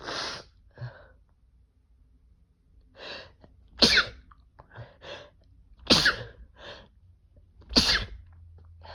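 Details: A congested male gives strong sneezes with teasing build-ups, induced with toilet paper.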